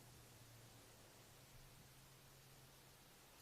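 Steady low stethoscope hiss over the right renal artery, with no blowing or swishing bruit heard.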